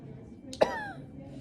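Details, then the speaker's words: Directed cough demonstrated by a patient instructed by a respiratory therapist: a deep, slow inhalation, a brief hold, then one sharp voiced cough to clear airway secretions. "And then next, I'm going to have her take a deep and slow inhalation. And then just a slight hold, and then cough."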